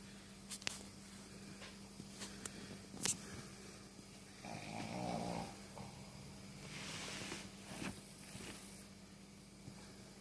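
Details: Single rattling, vibrating snore on one breath in a quiet room, faint clicks and steady hum: snoring during sleep.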